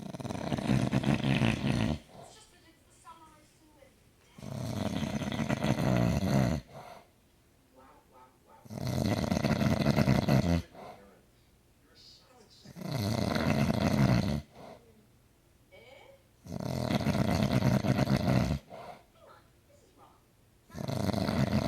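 Loud, rattling snores about every four seconds, roughly 14 breaths a minute, with quiet gaps between them.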